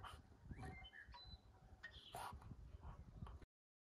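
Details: Noisy breathing in an English bulldog, a short-nosed dog: snuffly, snorting breaths with low rumbles and a few high squeaky whines.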